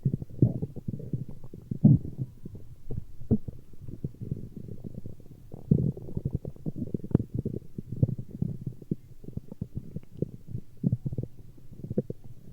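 Continuous low rumbling with irregular gurgling pulses throughout; ordinary stomach growling, a normal finding.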